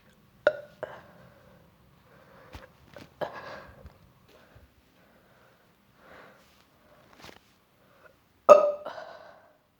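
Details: Nauseous, sick person burping at Christmas, who vomited afterward: scattered short, throaty belches ending in a louder burp, in a quiet room.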